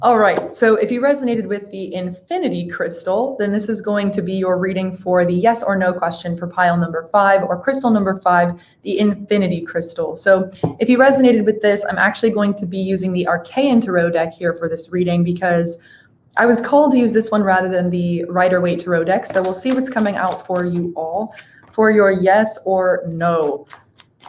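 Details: Adult woman speaking; normal speech.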